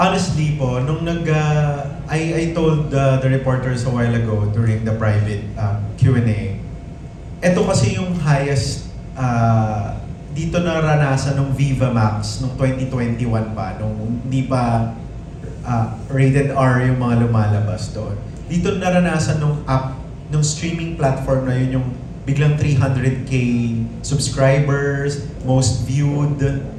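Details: Adult male speaker; typical speech.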